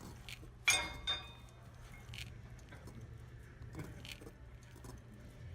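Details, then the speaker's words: Knee crepitus in a young woman doing a quad exercise, painless; sharp pops and brief crunching clicks as the knee moves, attributed to cartilage surfaces no longer smooth, as in knee osteoarthritis. "Why does arthritis make grinding, crunching, popping sounds in the knee joint?"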